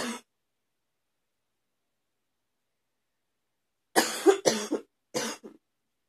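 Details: Morning cough, continuing.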